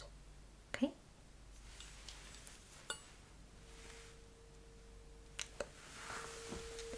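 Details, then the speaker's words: Simulated ASMR cranial nerve exam roleplay: a tuning fork is placed behind the ear for a hearing test. Taps and clicks, then a steady, clear mid-pitched ringing tone. "Okay, I will place this turning fork right behind your ear and I will it's going to produce the very peculiar sounds and some vibration maybe even so you will let me know when you stop hearing that sound."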